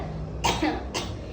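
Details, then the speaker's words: Two short, dry coughs imitating post-viral cough, the lingering cough after a cold that can last 2 to 3 weeks. "ഇതുപോലെ ഒന്നോ രണ്ടോ ചുമയായിരിക്കും. ബാക്കി എല്ലാ ലക്ഷണങ്ങളും മാറും, പക്ഷെ ഈ ചുമ വില്ലനായിട്ട് നിൽക്കും. ഈ ചുമേനെയാണ് നമ്മൾ പോസ്റ്റ് വൈറൽ കഫ് എന്ന് പറയുന്നത്."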